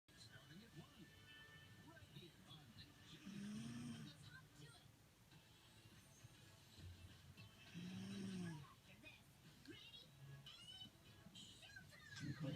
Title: Snoring dog